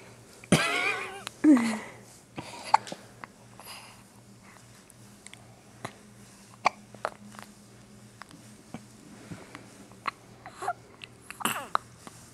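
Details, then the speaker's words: Newborn girl with hiccups while being burped by her father, which she always gets: short, abrupt gulping sounds between soft fussing, quiet room noise; ordinary infant hiccups. "And the hiccups. Oh. Gotta breathe, girl."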